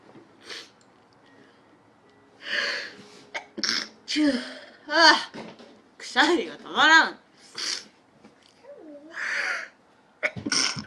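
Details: A Japanese girl gives a quick run of several sneezes, each a sharp, voiced burst; an ordinary repeated sneezing fit.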